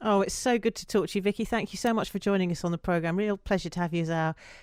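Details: Adult woman speaking; Normal speech.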